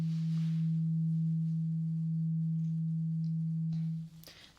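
Steady pure low hum from a struck tuning fork, dying away after about four seconds; a role-play hearing test.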